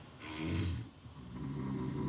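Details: Adult male snorer monitored overnight at a sleep clinic, lying in recovery position with optimum airway but still snoring; very blocked nose, so he is expected to mouth-breathe. Loud, low, rattling snore with a harsh mouth-breathing quality. Thought weight-related plus another cause.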